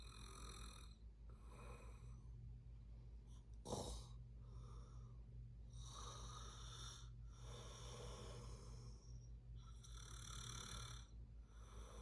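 Rough, rattling snores with each breath, irregular, with one louder snort partway through, over a low room hum.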